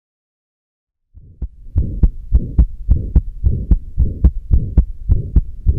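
Regular heartbeat near 108 a minute with a soft rushing murmur in systole and a split second sound, typical of atrial septal defect.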